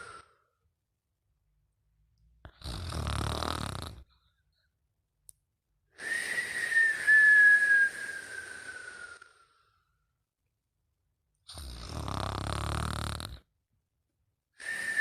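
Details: Snoring and whistling: rough, rattling snores alternate with a long, high whistling breath sound, repeating with each breath cycle.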